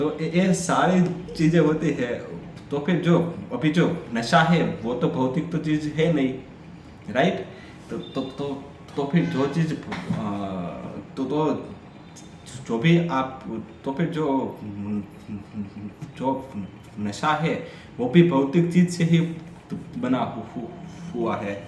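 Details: Adult man with a stammer doing story-telling practice in Hindi on day 6 of a daily stammering practice routine; repeated word repetitions are heard; stuttering.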